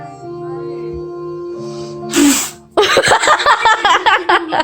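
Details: Fake sneeze made with a syringe as a prank: single loud, sharp simulated sneeze over background music, followed by laughter.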